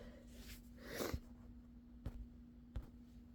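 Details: A sleepy person gives a soft breathy intake building into one subdued, muffled sneeze, then two faint clicks over a steady low room hum.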